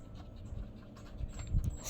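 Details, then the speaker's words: Resting puppy lying at the owner's feet with tongue out, panting after coming back inside from the heat, with a fan running: soft, quick breathy puffs over a low fan-like hum. "Sa katunayan po guys, hinihingal po si Papy. Hinihingal si Papy pagbalik 'to sa loob ng tindahan mga palanga."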